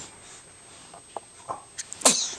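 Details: Baby's small breaths and sniffs build to one sudden, sharp sneeze.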